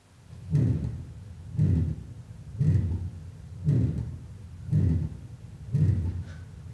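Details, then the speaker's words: Patient with moderate aortic stenosis, heart about 57 beats a minute: loud crescendo-decrescendo systolic murmur followed by soft but clearly audible aortic closure; usually best heard at aortic area and left sternal edge, radiating to carotids and apex. "the loud crescendo decrescendo systolic murmur which is followed by a soft but clearly audible aortic closure"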